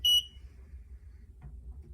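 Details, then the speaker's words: Invacare oxygen concentrator unplugged to demonstrate its power loss alarm: a single short high-pitched electronic beep, which repeats every three to five seconds while power is lost. "now i'm going to replicate a power loss alarm and what it'll sound like in that event so i've unplugged the machine you'll hear that beep every three to five seconds"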